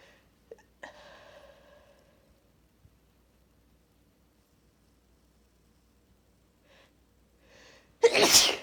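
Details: Female with allergies on a high pollen count day, stifling huge sneezes: quiet held-back breaths and small catches, then one loud sneeze bursting through.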